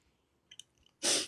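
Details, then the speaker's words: Repeated coughing from an adult host with pulmonary sarcoidosis, who stops to cough mid-sentence during a live interview. "This audio, I have pulmonary sarcoidosis, so I've got to cough just a second."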